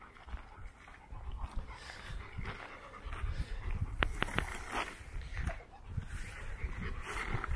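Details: Rapid, breathy puffs from a Rottweiler on a walk after exercise, over outdoor wind noise with brief bird-like chirps: ordinary panting.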